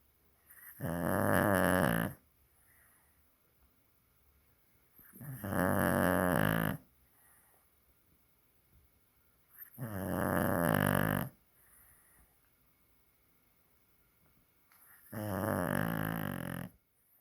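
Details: A dog snoring: four loud, rattling snores at a steady pace, about 13 a minute, with quiet pauses between them: heavy snoring.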